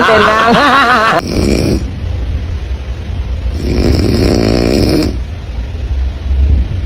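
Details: A sleeping person snoring, from a funny compilation: loud rattling, fluttering snores on breathing in, with quieter noisy breaths between; ordinary snoring.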